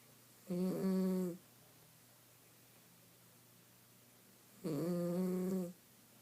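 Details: Two long, buzzing, tonal snores about four seconds apart in a quiet room from a sleeping miniature schnauzer dog during a nap; snoring.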